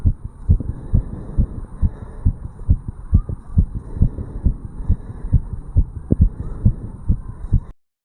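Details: Rapid heartbeat of a 35-year-old male, recorded at the tricuspid valve area after jogging uphill; rapid heartbeat after exercise.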